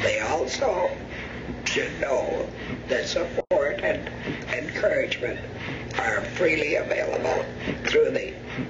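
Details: Adult speaker after laryngectomy; alaryngeal speech after laryngectomy.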